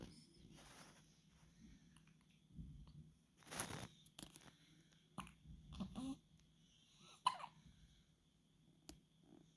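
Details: Newborn baby only a few days old hiccuping in a quiet room: repeated short, sharp hiccup sounds; hiccups, described as common and normal at this age.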